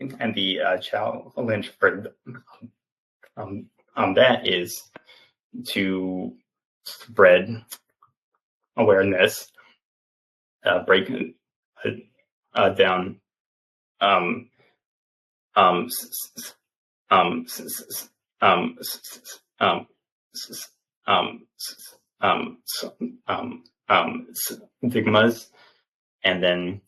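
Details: Stuttering in a 28-year-old man, an open stutterer, with repetitions and filler "um" insertions; he has stuttered since childhood and had speech therapy as a child.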